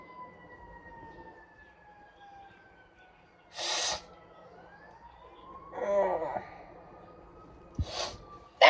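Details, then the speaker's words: Person sneezing all morning; two or three short sharp sneeze bursts with a breathy lead-in, over a passing outdoor siren; repeated sneezing. "It's gone, I think. I've been sneezing all morning."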